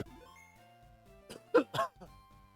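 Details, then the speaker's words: An adult who is still a little sick with a sore throat gives a short run of about four coughs, two strong bursts between softer ones, over quiet game music. "You can hear I'm coughing. I'm still a little sick, so my throat's all screwed up."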